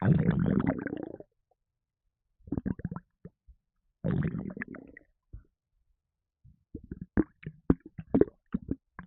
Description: that can of red bull energy drink caused serious havoc in my stomach and made me gassy!